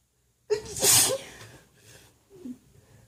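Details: Unmuffled sneeze recorded by a woman, provoked by tickling with a feather: quick intake of breath, one loud explosive hissing burst, then a soft exhale.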